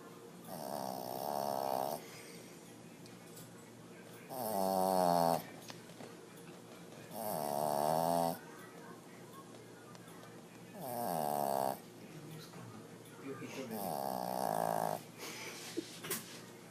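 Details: Five rhythmic rattling snores at about 19 a minute, with quiet pauses between; ordinary snoring.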